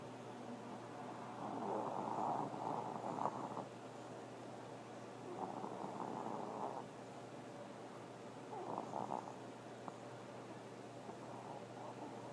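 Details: Pomeranian dog, half asleep and peeping with one eye, keeps snoring: soft, rough, rumbling breaths recurring in slow cycles over a constant background hum.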